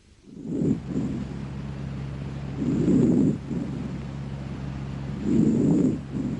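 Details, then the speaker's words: Soft, low rustling breaths heard through a stethoscope over healthy lung: normal vesicular breath sounds (vesicular murmur). "entre los hallazgos normales se ausculta el soplo o respiración laringotraqueobronquitis la respiración o murmullo bronco vesicular no no o no o no el murmullo vesicular"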